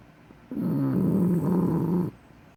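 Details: Female bulldog snoring with her eyes open: one long, low, rattling snore on a single breath, rough and vibrating through the nose and throat.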